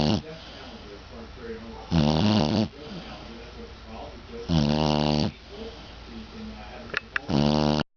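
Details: Pet dog asleep in his basket: three loud, rattling, buzzy snores on the in-breath with softer breathing between, about 24 a minute; loud snoring during sleep.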